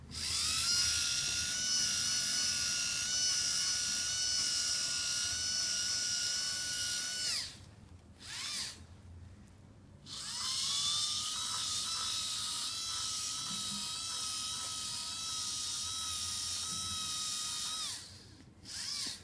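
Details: Whole-mouth polishing with prophy paste, patient turning head as directed: steady high whine of a slow-speed dental handpiece, pausing briefly between runs.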